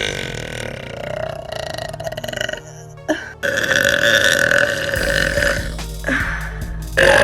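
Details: Girl burping voluntarily for fun: long, drawn-out, rumbling burps over background music.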